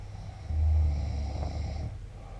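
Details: Adult man snoring in sleep: one low, rumbling, rattling breath lasting over a second; snoring.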